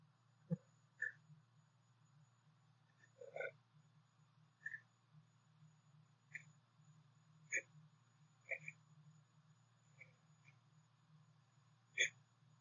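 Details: Brief sharp catching sounds at irregular one-to-two-second intervals over a steady low hum, recorded during a sneeze build-up (three sneezes, the last slow to come, 'stuck'); labelled hiccups.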